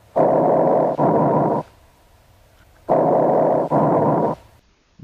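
Loud, harsh, hollow breathing with equally long in and out phases separated by a brief gap: bronchial breath sounds.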